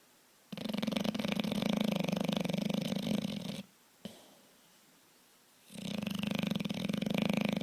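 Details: Beauregard, a big bulldog, asleep: long buzzing fluttering snores with quiet pauses between breaths; loud snoring.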